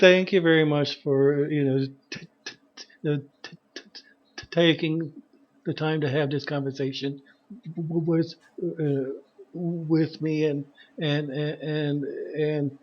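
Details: Adult woman who has stuttered and been part of the stuttering community for over twenty years; stuttering.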